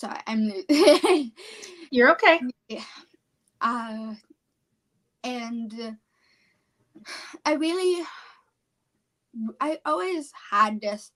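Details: 17-year-old female high school senior with apraxia of speech, a neurological speech disorder; apraxia of speech.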